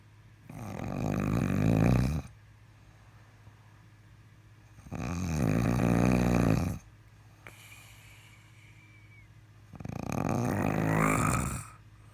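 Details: Loud, rough, rattling snores, three in twelve seconds, about one every four to five seconds with quiet gaps; "patience level 2" snoring, perhaps bearable with earplugs.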